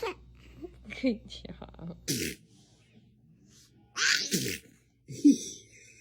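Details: Compilation of babies with several short, sharp, high-pitched sneezes, quiet gaps and a little background voice and laughter; sneezing.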